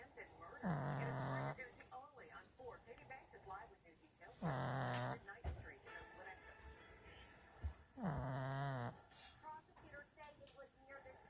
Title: Snoring pug. It's a wrap.